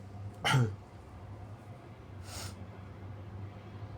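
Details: Self-induced sneezing with paper tissues: one short, forceful, wet sneeze followed by a softer breathy burst over a steady low hum; sneezed all over self.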